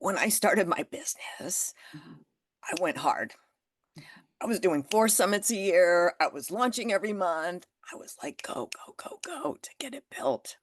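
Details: Adult woman with spasmodic dysphonia that developed after stress and illness, still audible in her voice; managed naturally, declining Botox; spasmodic dysphonia.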